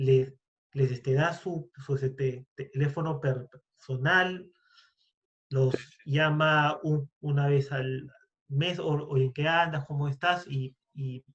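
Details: Stuttering in a Spanish-speaking man who identifies himself as a person who stutters, speaking in a podcast conversation about stuttering.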